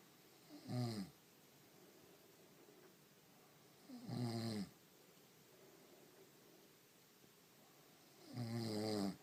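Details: A sleeping woman snoring, lips twitching.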